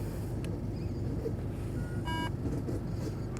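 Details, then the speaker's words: Brief electronic tone over steady low engine rumble as a portable oxygen concentrator is switched on in a casualty-evacuation vehicle, set to 3 L; device start-up. "до прикладу це кисневий концентратор Зараз ми його підключимо вмикаємо кисневий"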